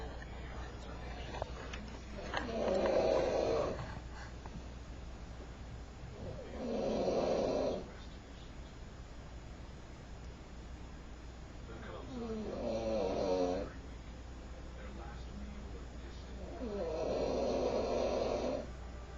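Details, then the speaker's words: Adult man with a severe snoring problem, recorded while asleep; four loud, rough inspiratory snores at about 14 per minute over a steady background hum, described as sounding like fighting for air: heavy snoring. "That's just hard. I feel so bad for you. I can just hear yourself fighting for air."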